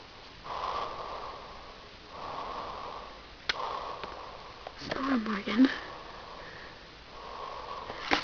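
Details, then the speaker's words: Person asleep in a bedroom with repeated, very loud rasping breath noises, each about a second long, in a steady rhythm, and brief background talk: snoring. "this is snoring part two he's just sucking all of the air in this bedroom"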